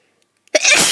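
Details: Person feeling run down and unwell, with some coughing and hoarse speech: a sudden, sharp, high-pitched sneeze bursting out of silence.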